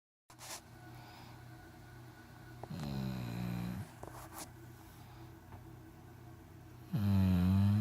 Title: pitbull snoring